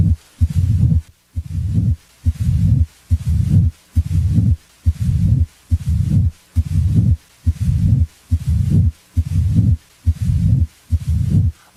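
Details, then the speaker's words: Mid-diastolic murmur of mitral stenosis: starts a short time after S2 and may fade away. "amid diastolic murmur as in mitral stenosis starts a short time after s2 it may fade away as heard"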